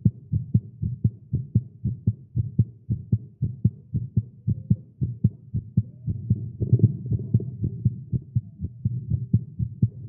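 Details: Male heartbeat recorded during exercise after caffeine: rapid, steady low thumping at about 115 beats a minute with some background hum, a fast heart rate (tachycardia).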